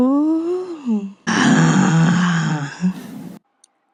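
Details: Female patient's disordered voice from a GRBAS practice sample, rated strain 0 and overall hoarseness grade 3, with a flaccid, low voice suggesting inadequate vocal tension; flaccid low-pitched voice without strain.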